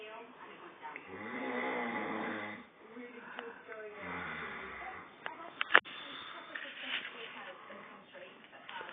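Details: An adult man (the uploader's dad) snoring: two long, low, rattling snores on breathing in, with quieter breathing and small room noises between them; snoring.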